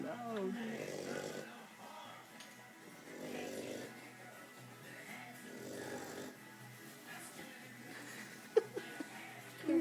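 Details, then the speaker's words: Old English Bulldog puppy, 4 months old, sleeping at home: steady, rhythmic, loud snoring about 25 breaths a minute, with faint music and room noise; snoring. "Goes again. Damn. Definitely snores loud."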